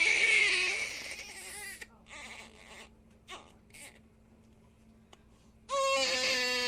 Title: Som de bebe chorando - Sound of crying baby 4:11 minutes